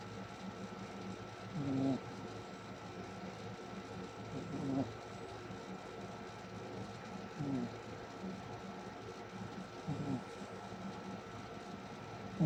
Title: Cute Snoring Dog